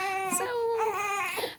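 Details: A tired young baby who eats too quickly and spits up gives a sustained, tonal fussy cry with a brief catch and restart.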